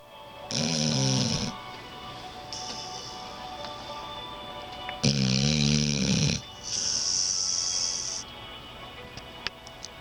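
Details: Pet dog snoring louder than a human while asleep: loud rattling snores on each in-breath, each followed by a hissing out-breath, about 13 breaths a minute, faint music behind.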